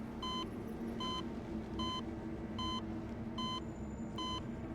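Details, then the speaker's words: Steady electronic heart monitor beeps at roughly 76 a minute over room hum, in a dramatized paranormal reenactment set in a pediatric hospital ward; the monitor beeped as if detecting a heartbeat with no patient attached. "I start hearing beeping. I realize it's the heart monitor going off, beeping as if it has a heartbeat."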